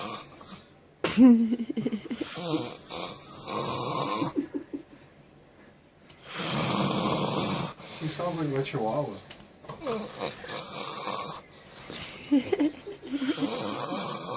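Repeated harsh, noisy breathing bursts every few seconds during sleep, with other voices murmuring and laughing between them; snoring.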